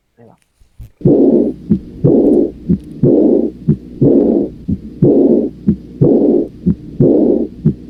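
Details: Aortic focus: regular heartbeat about 61 a minute; a crisp first sound, then a loud blowing murmur over the second sound that fades away: early diastolic aortic regurgitation murmur.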